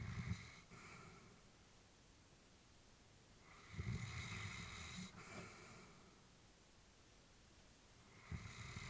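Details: Elderly female Labrador sleeping while her family was worried about her: slow, soft snoring breaths with a faint whistly edge, about one breath every four seconds.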